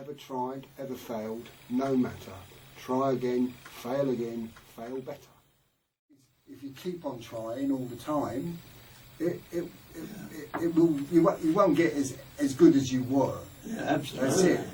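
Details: High-level aphasia in an adult man; he reports ongoing difficulty with talking, writing, listening and reading, which he says is getting better.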